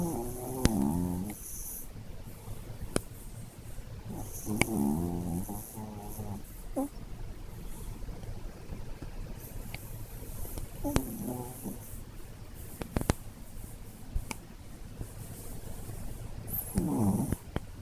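Short rattling snores recur every few seconds from a small dog, with clicking room noise between them.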